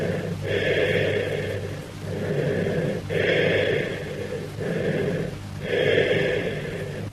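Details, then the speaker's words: Cavernous breath sounds, a teaching example: low-pitched and hollow, with bronchial features: expiration louder, higher-pitched and as long as or longer than inspiration, with a pause between them; described with open pneumothorax and tracheal displacement. "Note the low-pitched hollow character. Also note the characteristics of bronchial breath sounds. That is, expiration is louder and higher pitched than inspiration."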